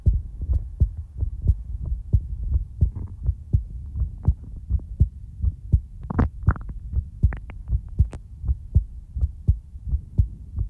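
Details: Steady, regular low thumps of a normal resting heartbeat, about 80 per minute, with faint background hum; heartbeat ASMR recording in real time.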